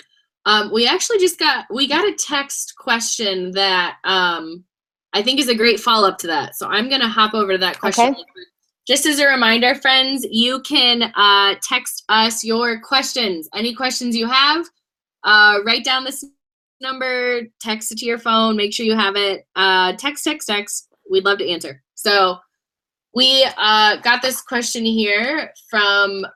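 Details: Adult woman; typical speech.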